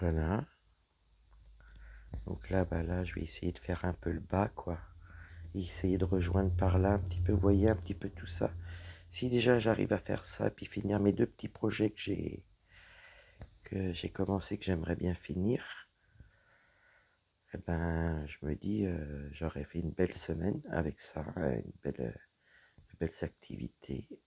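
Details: Woman whose vocal cords were damaged by a serious health problem; voice deeper than before, at times little voice, unable to speak loudly; low-pitched, creaky voice; dysphonia from vocal fold damage.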